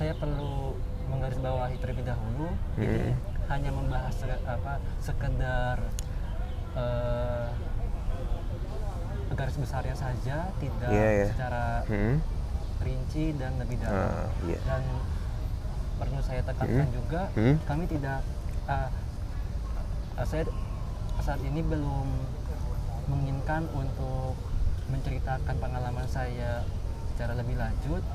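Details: Adult man, newly graduated doctor from Aceh, who has stuttered since childhood, speaking Indonesian; stuttering.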